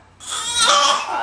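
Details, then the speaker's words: A young child gives one drawn-out, voiced, deliberately faked cough that sounds partly like a cry; imitated cough. "Oh, that's a bad cough."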